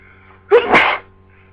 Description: I've had the flu for 2 days and it's only now I've gotten sneezy so enjoy